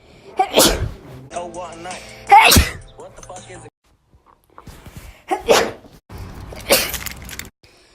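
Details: Several loud, explosive sneezes in a row over background music; ordinary sneezes.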